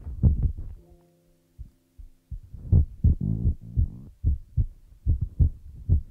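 Soft, low, thudding beats, somewhat uneven, mixed with a steady tonal hum and scratchy brushing sounds; a heartbeat sound.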